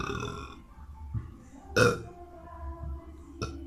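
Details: A boy's loud, short, throaty burp, then a smaller burp, against faint background music and voices.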